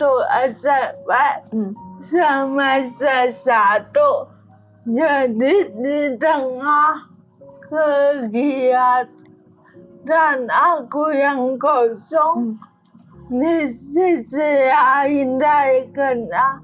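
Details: Adult woman with cerebral palsy limiting gross and fine motor skills; dysarthria (cerebral palsy).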